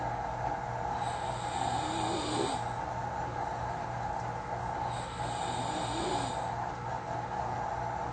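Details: Self-recorded snoring during sleep: two soft, airy, quiet snores about four seconds apart over steady background hum.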